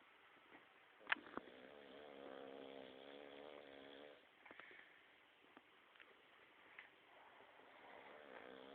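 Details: White Staffie dog snoring while awake: soft, rattling snore-like breathing with fluttering vibration amid faint clicks and room noise; snoring.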